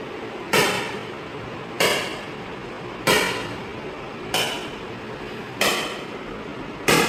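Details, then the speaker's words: Extracorporeal shock wave lithotripsy on a patient with residual right kidney stones and a stent, energy raised from level 15 for louder, stronger shocks; loud, sharp metallic knocks about 47 per minute. "अब इसके shocks की आवाज भी ज्यादा आएगी और इसकी intensity भी ज्यादा होगी जिससे स्टोन को चोट भी ज्यादा लगेगी और पेशेंट को थोड़ी सी वाइब्रेशन भी ज्यादा महसूस होगी।"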